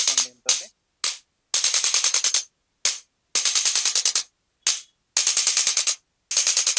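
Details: Male patient with L3–L4–L5–S1 disc bulges on MRI and bilateral sciatica with difficulty walking, during pelvic balancing and cervical adjustment: bursts of rapid sharp clicks in quick runs with pauses, from a handheld chiropractic adjusting instrument.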